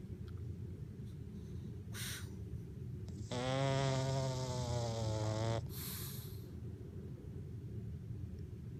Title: Pug snoring - our 12 year old pug